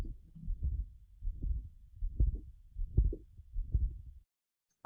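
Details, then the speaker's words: Continuous murmur of patent ductus arteriosus, heard through systole and diastole as blood flows continuously through the abnormal channel, louder in systole. "yep listen to that continuous murmur throughout the whole systolian desktop but it becomes louder during the systolic"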